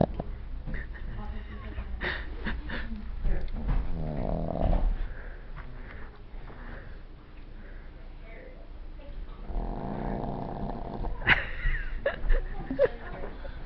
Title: snoring dog, snores like old man